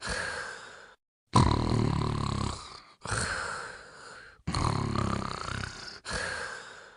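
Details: Sleeping dog with steady rhythmic breathing and low rattling snores on alternate breaths, roughly every three seconds; ordinary dog snoring.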